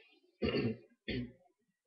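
Two short, rough, voiced bursts from an adult male, a forceful throat clear followed by a second smaller one, consistent with congestion from a cold.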